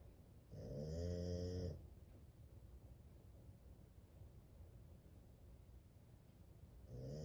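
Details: Cat or dog named Sidney snoring in deep sleep.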